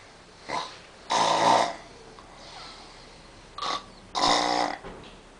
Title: Snoring again in Akrata